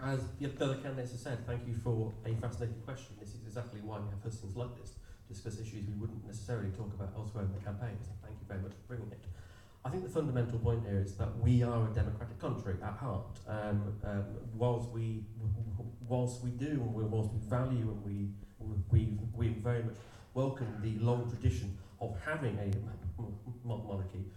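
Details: Stammer (stuttering) in an adult man who describes himself as openly disabled and says his stammer can be heard, speaking at an election hustings.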